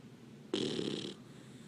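A single brief, harsh wheezy breath sound while sleeping; snoring in a puppy.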